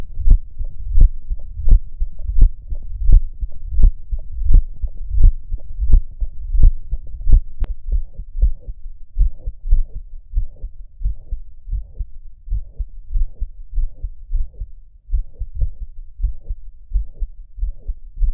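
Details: Normal heart sounds recorded at the apex with the Stethophone smartphone app: regular beats, about 86 a minute, with clear first and second sounds and no murmur.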